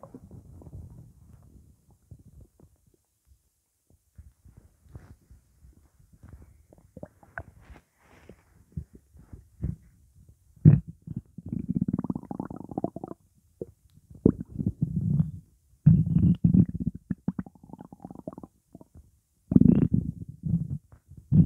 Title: Stomach Growling Sound Effect / Sound Of Stomach Gurgle / Upset Stomach Rumbling Sound